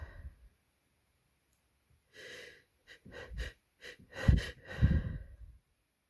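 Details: Pre-sneeze breath hitching during a cold, with a tickly twitching nose: repeated short catching inward breaths building up with sharp huffs and no full release; a stuck sneeze that won't come.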